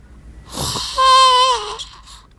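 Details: Snoring: a single long, whistling, tonal snore rising out of a noisy inhaled breath.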